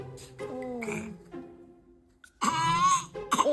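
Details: Infant, possibly with throat trouble, gives a small cough and throat-clearing sound over background music; cough.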